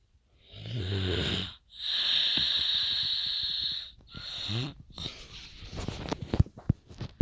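Loud rough snores on breathing, with long whistling, wheezy out-breaths between them, then rustling noise; heavy snoring.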